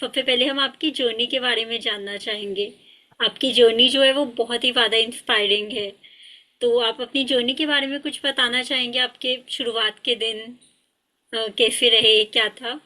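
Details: Adult woman speaking Hindi; typical speech.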